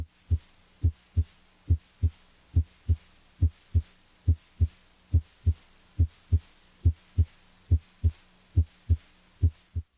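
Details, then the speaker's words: Normal heart sounds at the apex (mitral area), stethoscope diaphragm, patient breathing normally: regular paired sounds at about 70 beats a minute, S1 louder than S2. "Listen at the apex. Here at the mitral area, S1 is usually louder than S2."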